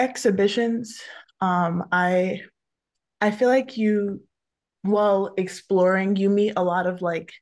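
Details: Adult woman who stutters, a photographer, speaking on a panel about careers for people who stutter; multiple word repetitions are audible; stuttering.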